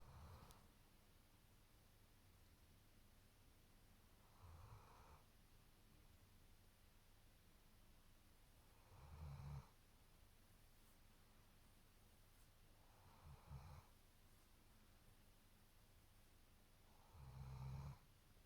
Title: German Shepherd Snoring Loud 📢 😆